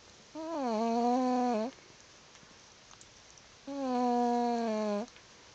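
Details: Two loud, drawn-out, tonal buzzing snores about three seconds apart with quiet between, from a 12-year-old, 40+ pound cat snoring in sleep.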